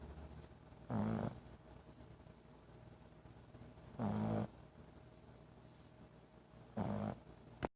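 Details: Snoring.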